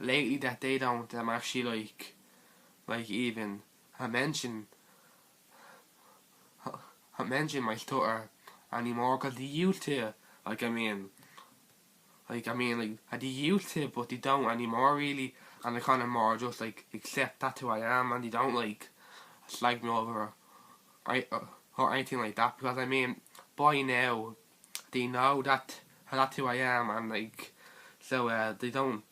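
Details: Teenage boy who stutters (stammers); stuttering.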